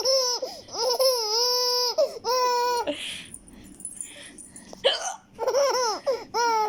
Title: Baby laughs out loud to hiccups 😂😂🙈